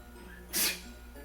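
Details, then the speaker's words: A veterinarian imitates a dog's ordinary sneeze, one brief, sharp, hissing burst of air, to contrast it with reverse sneezing, which sounds like snorting: imitated normal dog sneeze. "If my is dog a was sneeze. regular sneezing, it'd be like."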